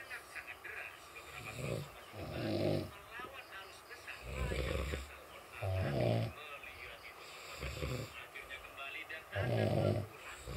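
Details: Loud, irregular, rattling snores in several clusters over ten seconds, with some background noise; heavy snoring.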